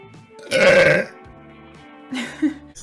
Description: Hot twitch girls burping :P